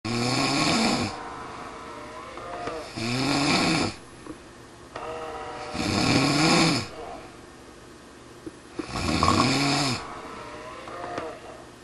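Regular rattling snores on each breath in, about 20 a minute, with quieter breaths out between; typical snoring. Faint background music.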